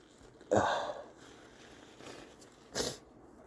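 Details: Two congested, wet-sounding sneezes with a faint sniff between them, the last felt as if the head exploded; stuffy sneezing.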